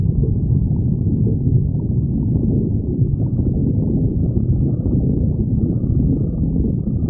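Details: Continuous deep, low gurgling rumble with shifting bubbling swells and no clear rhythm from a badger named Sticks: stomach growling (borborygmi).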